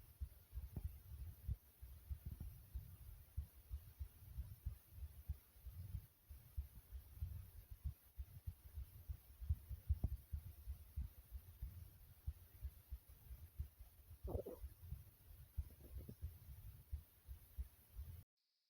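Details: Heartbeat the person deliberately made fast: quick, muffled low thumps of a raised heart rate.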